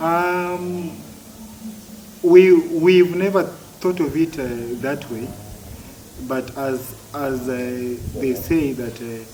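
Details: Adult man who has stammered since childhood; stuttering.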